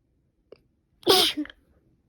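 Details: Woman sneezing repeatedly just after waking in the morning, later nose stuffed up: a single forceful sneeze after a brief intake of breath, with a short trailing sound; sneezing.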